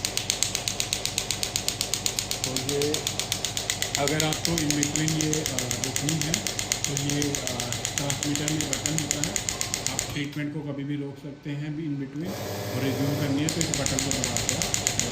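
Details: Rapid, regular mechanical tapping, about four pulses a second, with a man talking over it: a radial pneumatic extracorporeal shockwave therapy (ESWT) handpiece firing at maximum intensity after being lifted off the hand, with shots being counted during a device demonstration.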